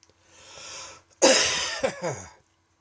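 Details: Dry, tickly evening coughing fit that came on unexpectedly: a short breathy run-up, then a harsh burst of about three dry, hacking coughs with no rattle of phlegm; a dry cough.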